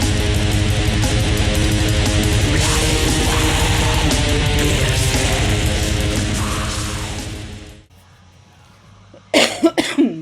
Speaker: Excuse me. I've had a cough for like the last 2.5 weeks, so it comes and goes.